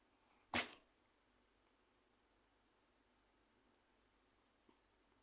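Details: Orange tabby cat in a quiet room giving one sharp, brief sneeze followed by a faint click.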